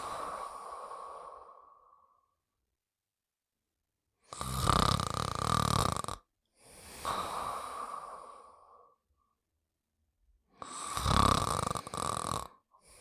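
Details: Cartoon snoring sound effect of the Pink Panther sleeping, not a real recording: three loud, rough snores with quieter whistling out-breaths between them; snoring.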